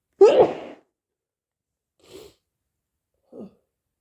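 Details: Sneezing on a hay fever day: one loud, explosive sneeze, then two soft sniffs.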